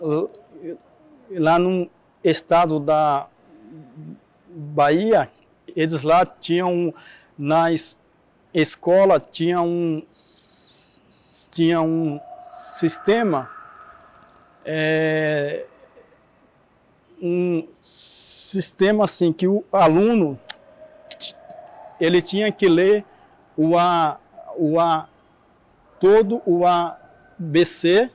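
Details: Adult man with stuttering, with audible repetitions in his speech.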